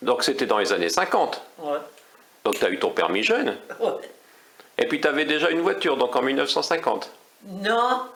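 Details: Adult speaker in conversation, French; ordinary conversational speech.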